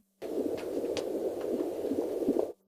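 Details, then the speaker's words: Fast, muffled whooshing pulses of the heartbeat of a baby boy on a Doppler monitor, carried by a 22-year-old pregnant woman recently wounded in the neck by a shard in a drone attack. "This is the most important sound for her. 22-year-old Alina intently listens to the gentle heartbeat of the little boy she is carrying."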